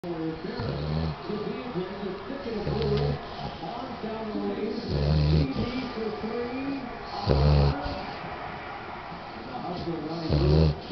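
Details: Loud, rough, low rattling snores recurring about every two to three seconds over steady background noise; ordinary snoring.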